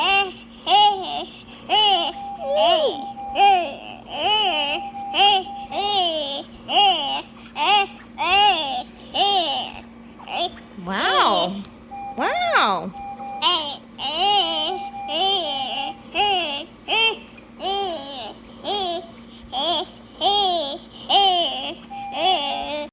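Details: Child with tracheostomy; Vocalization with tracheostomy cuff inflated.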